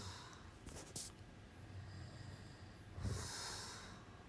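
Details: Man asleep in someone else's bed after being told not to fall asleep: a loud, snorting inhaled snore with hissy breath noise, then a gasping snort; sleep snoring.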